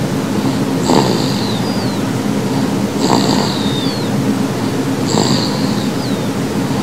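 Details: Snoring from an 11-week-old baby girl.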